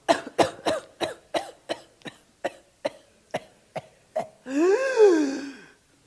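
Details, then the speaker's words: Imitated pertussis paroxysm in an emergency medicine lecture: a run of about twelve rapid coughs without a breath (typically 10–15 expulsions), ending in a long, high, crowing inspiratory whoop. "that's the whoop now kids don't whoop as much as adults do interestingly kids um middle-sized kids tend to whoop little kids don't whoop"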